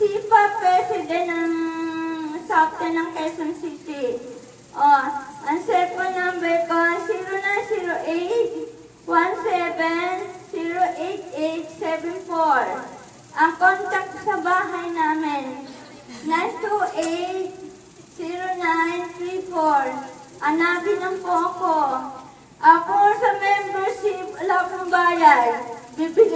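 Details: Adult woman with cerebral palsy speaking Filipino. Dysarthria (cerebral palsy).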